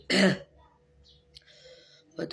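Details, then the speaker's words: A woman with a very high fever and flu coughs, saying coughing is painful and made her leak urine: a single harsh, throaty cough burst, then quiet room noise. "Batukku sakit sekali, sungguh, batuk itu menyakitkan ."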